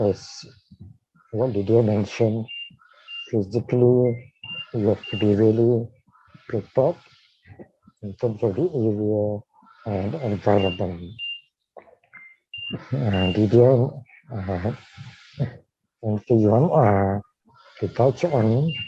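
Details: Dysarthria in a man with ALS diagnosed in 2018, tracheostomised in late September of the previous year.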